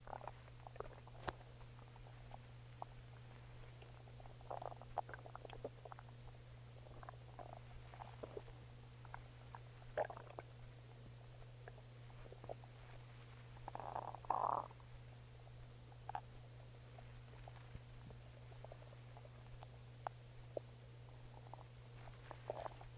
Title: Stomach Growling